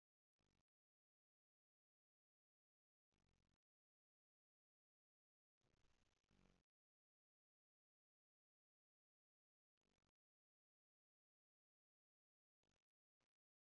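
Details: Quiet, rough, low snoring breaths recurring every few seconds, each a short snore, separated by near silence.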